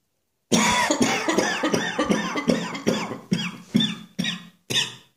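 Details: New Year's Eve morning coughing fit following an earlier one, as often happens once the lungs are stimulated: a rapid run of about eleven harsh coughs in five seconds with squeaky, tight breaths between.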